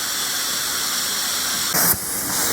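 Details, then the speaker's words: Plasma pen spray mode on a woman's numbed lax neck skin for tightening: steady high hiss with a louder spray burst near the end. "Now I have finished the plasma pen spray. And now I'm going to do the dot work to cause the tightening."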